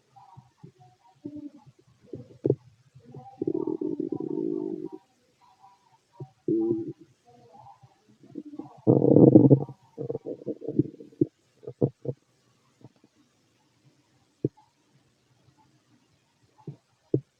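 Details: Stomach growling in a fit adult male heard with a stethoscope over the abdomen: irregular gurgles and longer rumbling growls with short clicks between; normal bowel sounds (borborygmi).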